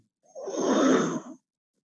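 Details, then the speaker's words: Vocal imitation of a systolic aortic stenosis murmur whose harsh peak comes late, close to the second heart sound, indicating more severe stenosis. "aórtica se acerca más al segundo ruido cardíaco, generalmente eso indica que la estenosis es más grave, ¿sí?"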